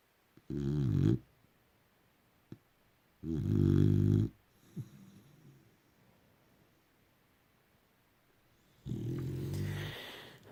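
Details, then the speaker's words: Snoring in a sleeping boxer dog on a bed: loud, throaty rattling snores on the breath in, three over ten seconds, with quiet pauses between. "always, I'm on the very end of the bed, and I've got a dog snoring"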